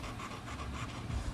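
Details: Female pet, just bathed, which the owner says is making a nose sound and struggling: rapid, rhythmic breathy puffs, steady short breaths in quick succession: panting.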